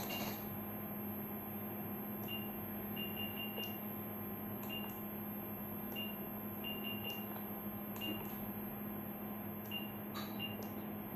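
Short, high, clean beeps sound at irregular intervals over a steady machine hum as keys are pressed on a syringe pump; normal keypress tones.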